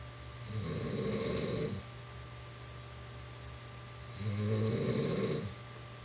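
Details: Woman snoring while asleep (she claims she doesn't); two loud, rough, low rattling snores on inhalation with a quiet pause between.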